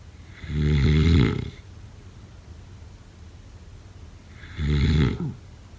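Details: Snoring.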